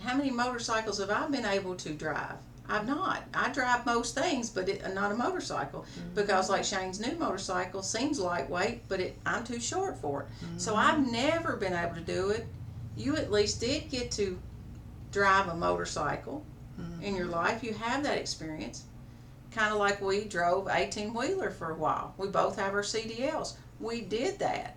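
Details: Adult woman speaking; healthy speaker.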